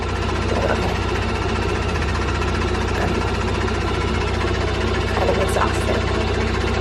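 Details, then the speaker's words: Steady low mechanical droning and rapid pulsing from a high-frequency chest wall oscillation airway clearance vest running in the background for cystic fibrosis, with faint room sounds, until the daily vest session ends. "You're done. Vest time over for the day."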